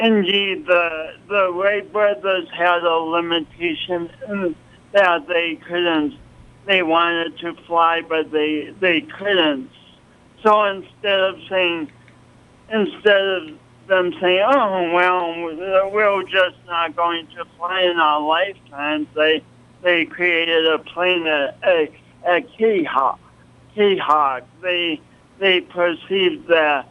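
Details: Pronounced speech impediment (probable dysarthria) in an adult man, attributed to an early, traumatic birth with loss of oxygen, along with coordination awkwardness; the impediment is audible to listeners.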